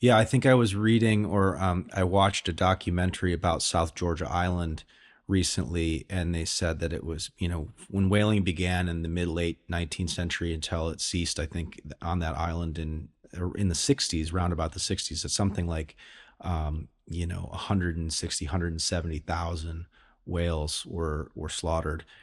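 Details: Adult man; typical speech.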